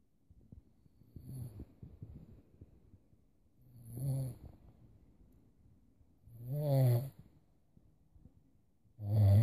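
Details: Someone snoring away during sleep: low rattling snores growing louder with each breath, roughly every two and a half seconds, with quiet exhalations between.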